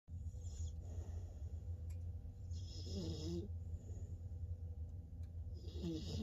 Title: Loud snoring AmStaff puppy